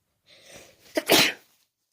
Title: trying to get over the autumn cold... #sneeze